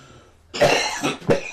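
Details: Two harsh, loose coughs after a quiet pause from an elderly man (grandfather) with emphysema after about 35 years of smoking, a chronic deep cough.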